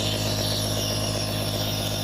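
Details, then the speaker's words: Portable compressed-air nebulizer machine switched on briefly in a skills demonstration of administering medication by nebulizer, producing mist: steady loud motor hum with hissing airflow. "okay now I'm going to turn this on and hopefully you'll be able to see the um the Mist okay um I'm not going to leave the machine on for long cuz it's quite loud but I want you to see uh the Mist in it okay so hold"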